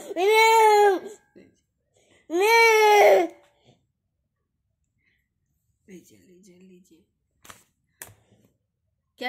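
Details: A 2-year-old boy crying for a phone lets out two loud, high wailing cries, followed by quieter sounds in a small room.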